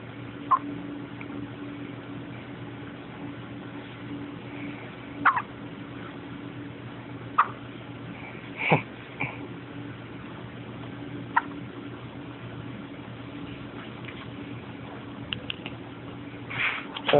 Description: Hiccups is a result of over stimulation.